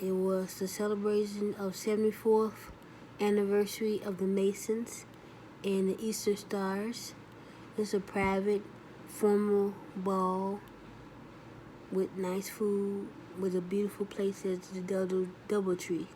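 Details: Adult woman, survivor of two strokes, with left arm paralysis and post-stroke dysphasia that she says delays her speech through word-finding difficulty; she reports her speech is improving and that she yawns when trying to speak; post-stroke aphasia (dysphasia).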